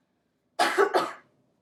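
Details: Directed cough used for airway clearance after huffing, once secretions have been moved up into the larger airways so they can be cleared easily.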